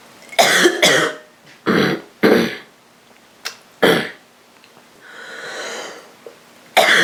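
About six harsh, rough coughs in short clusters, with a breath drawn between them; a rough cough from a common cold.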